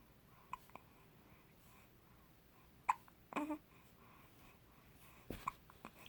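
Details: Infant in the morning with hiccups: soft, brief catches every second or two with small baby sounds in a quiet room.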